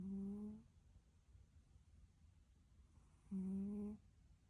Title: My Cat Is Snoring… and I’m Paying the Bills. 😆🤪😅 #shorts #cuteanimal #cat #sleepingbeautypets